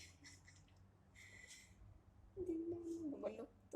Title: My Siberian husky was sneezing 🤧😄😄♥️❣️